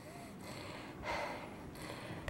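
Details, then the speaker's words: Female cystic fibrosis patient after an hour of vest airway clearance: noisy, rattly, wet crackling breaths from thick mucus narrowing her airways; crackles. "the crackles that you hear when she's breathing are with CF is just that thick mucus in the lungs and it restricts the Airways and restricts breathing"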